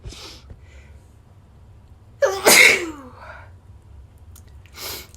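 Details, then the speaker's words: Sneeze the person meant to stifle and suspects is from allergy: one sharp, explosive sneeze with a brief voiced lead-in, followed by quiet breathing in a small room. "meant to stifle that. I forgot. I'm sorry. I'm horrible."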